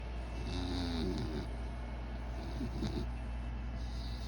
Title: My dog snoring